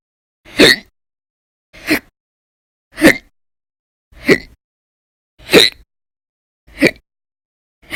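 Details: Audio-only recording of violent, very loud persistent hiccups (singultus), in daily bouts lasting about 10–13 hours in December 2019: abrupt short gulps about every 1.2 seconds, roughly 48 a minute, with silence between.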